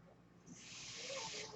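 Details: Real recording of a podcaster's own mechanical ventilator audible while he talks: a soft airy hiss swells steadily over about a second as the ventilator delivers a breath.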